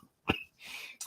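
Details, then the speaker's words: An adult with a chest cold gives a single short, sharp cough followed by a breathy rush of air; cough. "I got like a chest cold that's why you hear me coughing"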